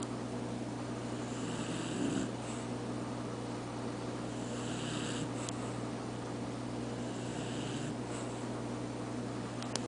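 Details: Soft rhythmic snoring from a sleeping pet, about three breaths in ten seconds, over a steady low electrical hum in a small room.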